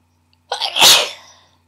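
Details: Deliberately induced sneeze, sneezer not allergic: a single forceful, harsh sneeze with a brief indrawn lead-in and a sharp hissing burst that fades off.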